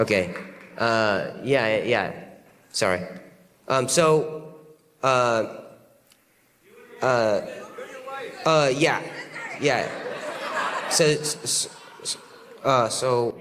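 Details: Adult male comedian stuttering on stage right after a loud gunshot-like noise left him unable to hear himself in one ear; repetitions and fillers; stuttering.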